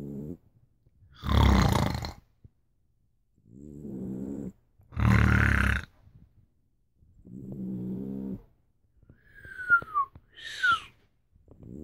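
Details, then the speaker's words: A person and a dog taking turns snoring to see who does it better: a loud rattling snore alternates with a softer buzzing one, with a few high squeaky sounds at the end, in a quiet room. "лучше получается у собаки или меня"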